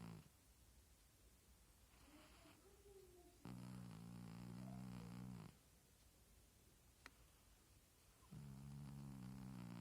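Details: Cat snoring: low, buzzy, fluttering rumbles on each breath, about twelve a minute, sounding like farts, with quiet breathing between.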